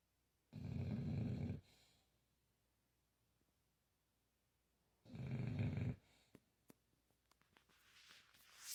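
Two loud, deep, rumbling breaths about four seconds apart, then quiet with small clicks; a dog's heavy snoring.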